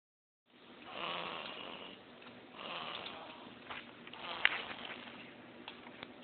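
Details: Person snoring: soft, breathy snores on two or three slow breaths, with a brief snort near the end. Ordinary snoring.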